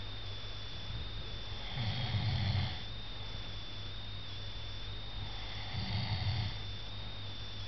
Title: To snore